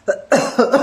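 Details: Pet parrot (mithu) imitating a human cough with a brief series of harsh, cough-like bursts.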